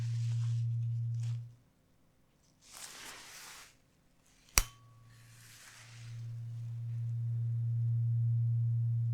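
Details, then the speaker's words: Acted ASMR check-up, simulated ear-to-ear hearing test with eyes closed: steady low pure tones that stop and restart, with soft rustling in the pause. "I would do this some from ear to ear and also just you just close your eyes then I will go from one ear to the other and then you have to tell me which year it is."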